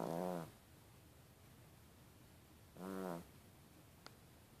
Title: Yorkie snores for mom. I love my JD!